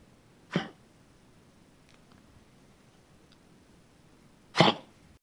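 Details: Harsh explosive hacking cough from a dog named in the original caption: two short bursts about four seconds apart.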